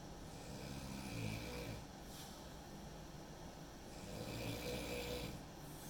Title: Two minutes of snoring